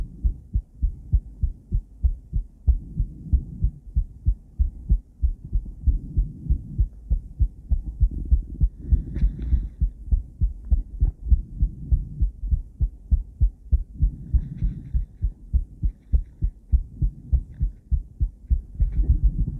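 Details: Cardiac ultrasound Doppler of a woman's heart, recorded with a transducer and combined with ECG. Rapid, regular whooshing pulses of blood flow form a steady rhythmic heartbeat signal.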